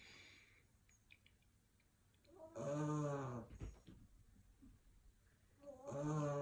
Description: English Bulldog Puppy 🐶 snoring